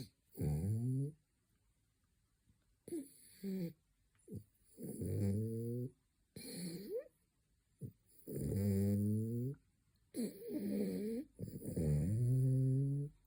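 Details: Male French bulldog snoring during his third midday nap: loud, rattling, low snores with each breath, about 17 a minute, some with a whistling edge.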